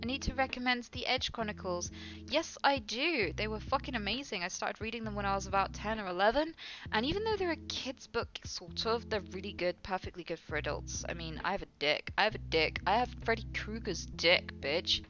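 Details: Female streamer with Tourette syndrome producing involuntary vocal tics with coprolalia during conversation; Tourette syndrome vocal tics (coprolalia).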